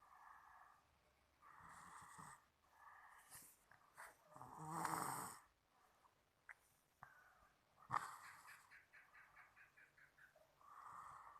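Soft, uneven snorting and whistling breath sounds in a quiet room, consistent with light snoring.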